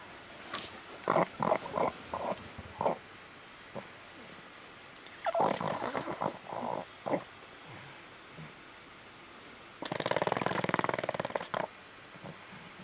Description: Boston Terrier is peacefully sleeping, snoring with one eye open is interrupted by his sister the Deaf Boston Terrier Issa Bella.